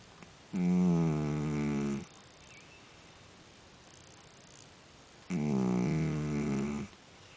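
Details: Two sleeping rescued cats, one a tuxedo cat, giving long, rumbling, tonal snores about five seconds apart, with the second cat snoring at a higher pitch in the background; cats snoring.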